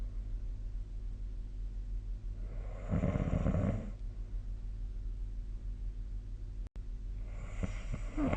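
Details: Sleep snoring recorded with the SnoreLab app: deep, rumbling snores on breathing in, about one every four to five seconds, over steady low room hum.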